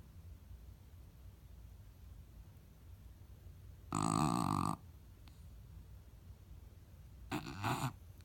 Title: Mabel Snoring